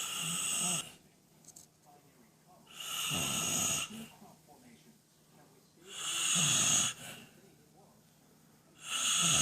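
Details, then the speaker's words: Man who claims he doesn't snore, recorded asleep at 9:58: loud, harsh rattling snores on each breath in, about 14 a minute, with quiet breathing between; normally ten times louder. "And that's nothing. Normally he's 10 times louder."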